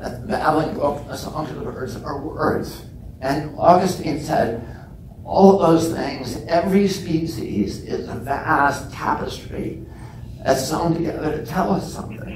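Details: Real case: adult man with spasmodic dystonia, onset at age 42 after a previously strong voice; he says it makes his voice tremble, becomes less noticeable or goes away after speaking a while, and is painless. Spasmodic dysphonia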